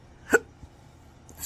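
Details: Adult with chronic hiccups not responding to any of the known treatments: a single sharp, abrupt hiccup against quiet, a sudden catch of breath.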